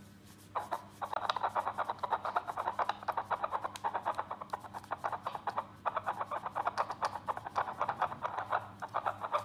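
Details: Rapid, regular whooshing pulses of a fetal heartbeat from a small handheld wireless Bluetooth fetal Doppler used at home, consistent with a normal fetal heartbeat.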